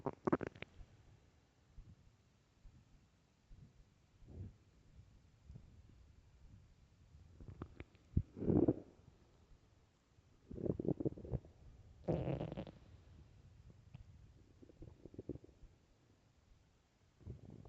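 Low rumbling and gurgling bursts from the stomach, the ordinary growling of hunger.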